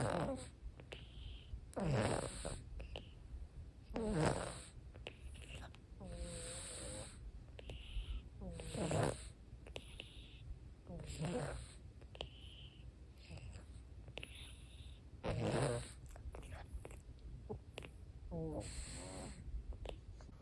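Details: Owner's dog: noisy, snore-like, congested snorting breaths with some mouth breathing. Owner says this is worse than his usual wheeze but still not really bad. Congested noisy breathing with mouth breathing.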